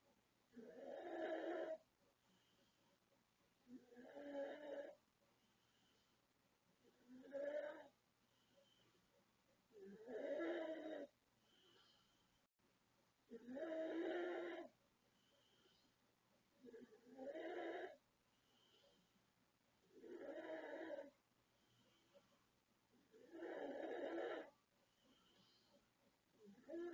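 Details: 36-year-old woman from the Philippines, recorded August 2024, snoring in sleep: loud, rough snores in a steady rhythm, about 18 breaths a minute.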